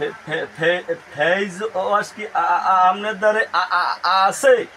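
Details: Acted stuttering imitation by a customer in a comedy sketch.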